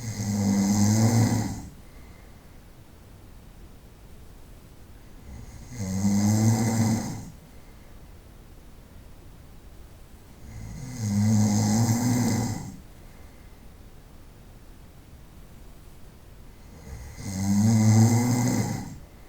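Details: Night-time snoring recorded over about 25 minutes: loud, rattling snores on each in-breath, about 11 a minute, with quiet pauses between.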